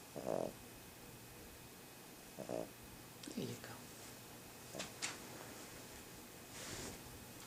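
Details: Sleeping dog snoring: soft, irregular snuffling snores and snorts against low room hiss.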